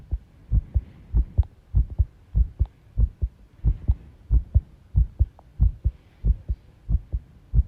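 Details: Self-recorded heart sounds with arrhythmia, taken while tidying a room: heartbeats about 90 a minute with uneven spacing between some beats, an irregular rhythm.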